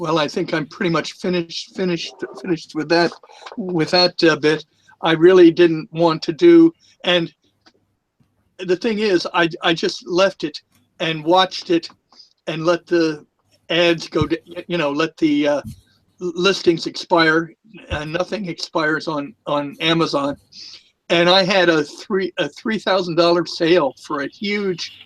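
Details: Adult male who lisps, especially with the microphone close to his mouth, and stutters from time to time; stuttering and lisp.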